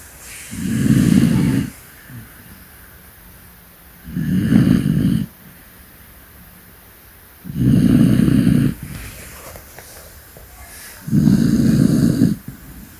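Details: Loud, rumbling snores from a sleeping old dog, about 18 breaths a minute, with quiet pauses between them; snoring.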